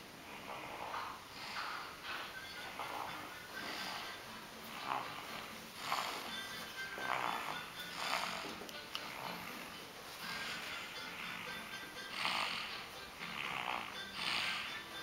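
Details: One-year-old child asleep in his baby seat the day after New Year's Eve: quick, rhythmic snoring breaths, roughly one per second, with a faint rasp and possible soft background music; snoring.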